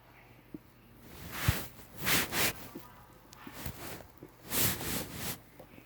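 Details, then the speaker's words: Stomach rumbling after a breakfast of pancake, Rice Krispies cereal, orange juice and milk, recorded through a shirt: soft gurgling and rumbling bursts a few seconds apart; ordinary borborygmi. "Whoa, there it goes. Had a few rumbles of my stomach. Sure enjoying my breakfast."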